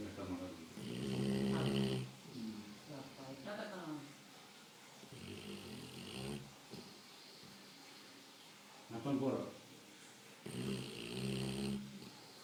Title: dog snoring